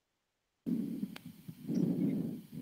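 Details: Short stethoscope loop, acknowledged as not very representative of real auscultation, with a low, blowing noise swelling in repeated cycles: a grade 3/6 soft steam-jet systolic murmur of mitral regurgitation.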